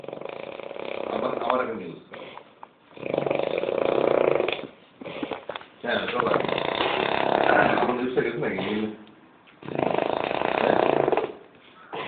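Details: Loud, rough, rattling snores from a sleeping man, in long breaths separated by short pauses; heavy snoring.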